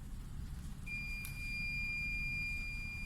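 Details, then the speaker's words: TOP 2300 infusion pump in a training demo: a steady high-pitched electronic alarm tone over low room hum, signalling a setting error because the preset total volume is lower than the infusion rate. "this one is to to this alarm actually to indicate your total volume set preset is actually lower than the infusion rate so it's just silent one more time"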